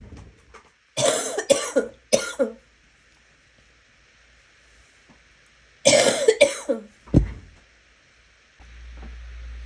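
Two bouts of harsh coughing, about three coughs each, separated by a few seconds of quiet, in a small room.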